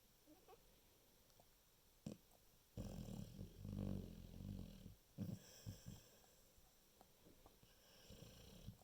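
Irregular low snorting snores from a sleeping dog, one long rumbling breath with a few short snuffles around it; snoring.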